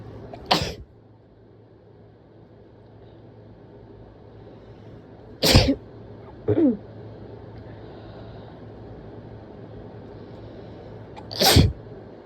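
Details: Powerful, wet sneezes, three forceful explosive bursts, the second followed by a short gasp or sniff; throat clearing and nose blows also feature in the recording.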